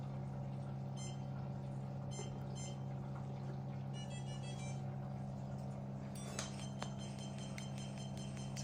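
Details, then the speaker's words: CO2 fractional laser firing from a skin-resurfacing/acne handpiece in point-by-point pattern: steady low machine hum with short clusters of high ticking pulses. "So here's the power. So if we up this point state the energy of the cutting will get stronger too."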